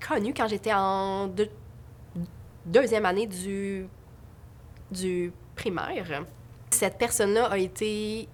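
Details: Adult French-speaking woman who stutters: stuttering.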